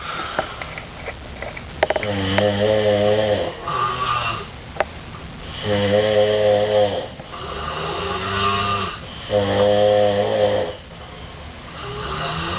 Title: Me and my brother snoring our heads off